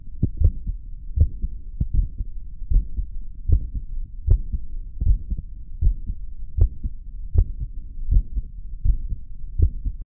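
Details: Heartbeat recorded after caffeine: steady low thumping at about 78 beats a minute.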